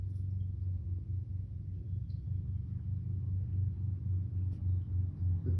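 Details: Sleeping cat snoring: a steady low rattling rumble with a soft rhythmic pulse.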